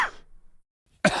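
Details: Adult man coughing: two short, harsh cough bursts separated by a brief silence.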